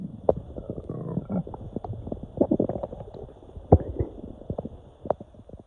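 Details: Continuous low gurgling and bubbling rumbles with irregular pops: loud bowel sounds (borborygmi) from gas moving through the intestines during intestinal cramps on waking.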